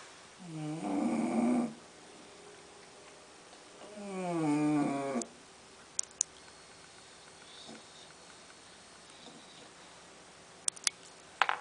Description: my sister's friends english bulldog snoring.